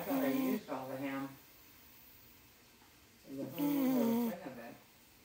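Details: Two drawn-out, tonal, whistling snores with wavering pitch, separated by a quiet pause, described as out cold; snoring in sleep.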